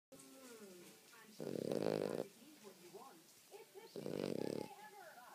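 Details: Dog snoring during sleep: two loud, buzzing snores with soft whining and vocal sounds between them.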